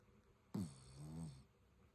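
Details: Sleeping dog giving a single snorting snore, sharp onset then a low rattling drone about a second long: snoring.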